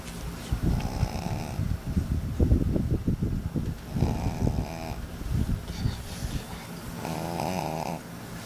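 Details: Baby pug deep asleep despite kids disturbing him: repeated rattling, snorting snores with noisy breaths between, typical of a flat-faced dog; snoring.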